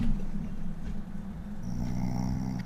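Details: Adult man (Luke) asleep on a voice-chat microphone: low, rough, droning loud snoring picked up close to the mic; snoring.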